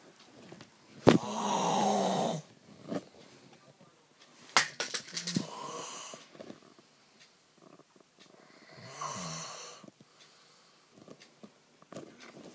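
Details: Man snoring loudly all night; someone calls it the loudest snore and cannot sleep. Loud, harsh snores with rattling breaths and irregular snorts between them, in a quiet room; heavy snoring during sleep.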